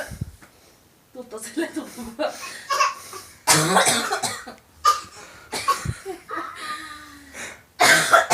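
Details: A young boy coughing.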